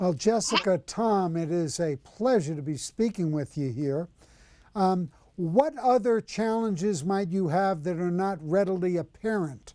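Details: Adult interviewer speaking; normal fluent speech.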